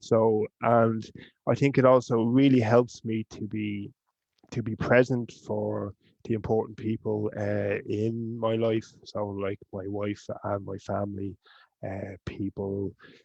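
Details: Man from Ireland who stutters; stuttering.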